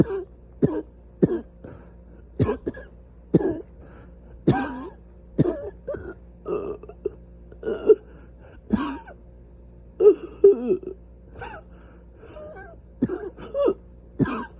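About twenty short, harsh, repeated coughs and throat clears in quick runs; persistent coughing from severely inflamed airways.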